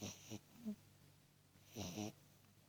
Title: Cute tiny Snoring beagle puppy